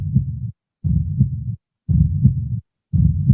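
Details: Simulated heart sounds from an activated, breathing generative-AI patient simulator manikin (ALEX Gen AI), auscultated by stethoscope or routed to a speaker: regular, low, muffled beats at about 57 a minute.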